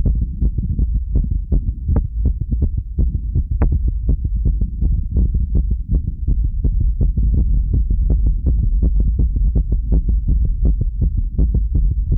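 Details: Steady low thumping heartbeat recorded at rest, roughly 160 thumps counted a minute, likely about 80 to 100 paired beats; the recorder feels it is oddly fast for rest.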